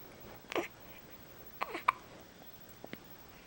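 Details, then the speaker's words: Several short, sharp, involuntary gulping catches at irregular intervals in a quiet room; hiccups. "hiccups see i don't know why i had the hiccups what's that hey ryan was you too he was drinking too much i don't know why i got the hiccups huh i don't know"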